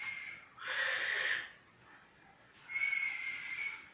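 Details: Man sleeping and snoring heavily at night: two loud, harsh snoring breaths with a whistling edge, separated by a quiet pause.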